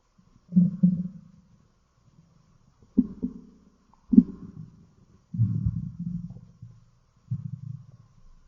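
Low rumbling gurgles come in about five bursts with short pauses between them, typical stomach growling.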